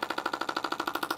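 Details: Shockwave therapy wand passed back and forth across a woman's abdomen in pelvic health treatment: rapid regular tapping pulses, about 13 per second.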